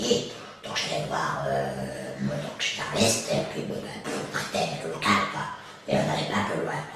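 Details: Adult male laryngectomized patient after partial laryngectomy with cricohyoidoepiglottopexy (CHEP), performed for a vocal cord problem that caused dysphonia; voice after partial laryngectomy.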